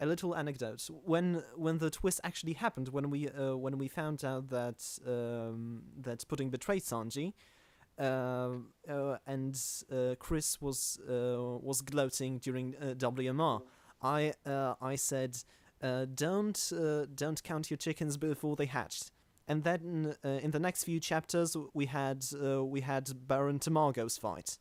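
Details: Stuttering in a male podcast host who calls himself the stammering host; his co-hosts do not stammer.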